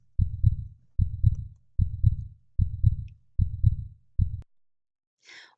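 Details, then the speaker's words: Regular normal lub-dub heartbeat at about 75 beats a minute; first sound from atrioventricular valve closure with ventricular contraction, second from semilunar valve closure as the ventricles relax. "the second part of the loved-up heartbeat sound is made by the closing of the semilunar valves in response to the relaxation of the ventricles"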